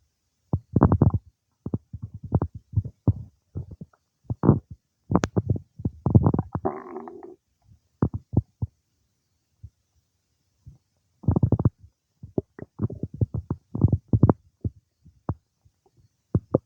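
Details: Stomach noises some time after eating cake: irregular gurgles, pops and rumbling bursts with brief quiet gaps; normal bowel sounds (borborygmi) of digestion.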